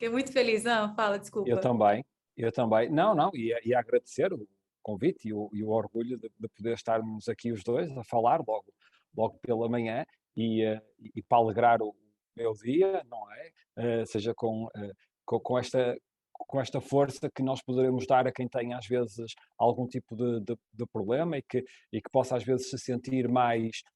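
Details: Adult male speaker (European Portuguese); speech.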